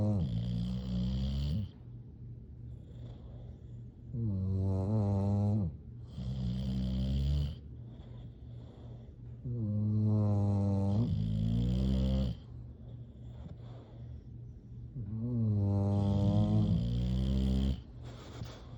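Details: Loud, regular snores from sleeping bulldogs, each about two seconds, with low rumbling and a soft whistle between breaths.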